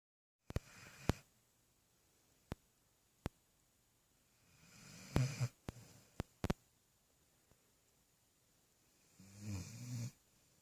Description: Kaiser snores while having puppy dreams